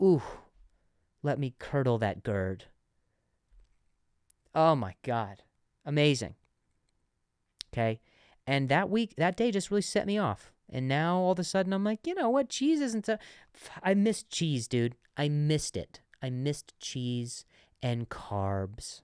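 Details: Adult man who says he stuttered and still sometimes stutters, speaking with audible word repetitions; stuttering.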